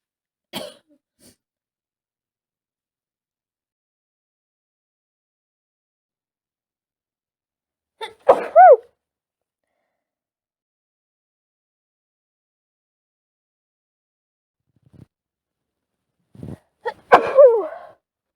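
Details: Woman with a cold, sneezy through the day: several short explosive bursts with breathy voiced tails separated by quiet pauses; sneezing.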